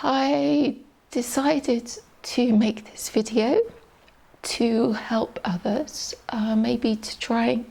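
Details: Adult woman, a teacher, with adductor-type spasmodic dysphonia, a neurological voice box disorder with muscle spasms during speech, diagnosed 2020 by an ENT specialist; shaky voice, getting stuck at sentence starts and middles; adductor spasmodic dysphonia.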